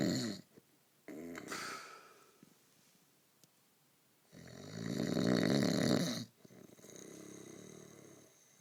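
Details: Rough, rattling snores on the in-breath with quieter out-breaths and brief pauses; snoring.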